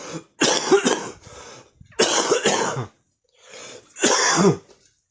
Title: Smokers cough in the morning #cough #smoker #coughing